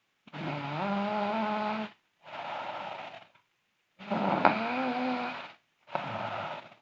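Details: Sleeping girl snoring loudly: rough, rattling snores on each breath in, with quieter breaths out between, about four breaths; snoring.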